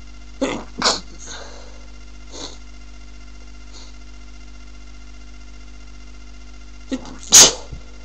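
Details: Sneezing from a person who says they have a cold: short, sharp, hissy sneeze bursts, two close together, a few fainter ones, then a louder final sneeze after a quiet pause, over steady background hum.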